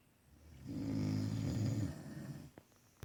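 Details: Snoring: a single low, rumbling, vibrating breath lasting over a second.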